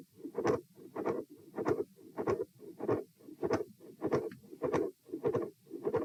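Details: Heart auscultation stress test at position E, repeat test; heart rate 84, 96, 114 and 78 bpm across lying, sitting, standing and lying again. Regular heartbeat near 98 a minute with a midsystolic click, a short murmur and a fixed split S2.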